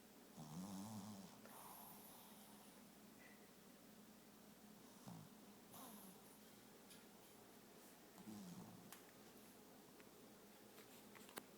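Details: Sleeping Chihuahua snoring: soft, low, rumbling snores, a few spaced breaths over steady, quiet room hiss; ordinary snoring.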